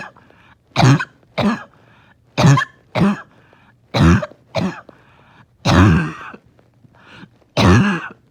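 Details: Morning cough that makes it hard to rest: loud, harsh honking barking coughs, about nine bursts, each with a hacking, wheezy quality.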